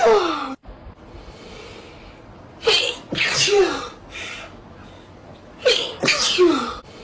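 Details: Sneezes played in slow motion: a long indrawn gasp, then a forceful hissing burst, repeated several times with quiet pauses between.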